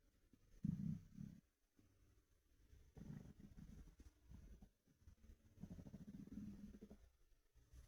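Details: Soft, low, muffled gurgles and growls in a few short bursts from an empty stomach, heard through a tee shirt; ordinary hunger rumbling (borborygmi).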